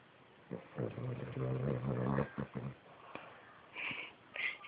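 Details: Sleeping King Charles Cavalier dog snoring: a low, rough, rattling snore on the breath, with a few snorting bursts.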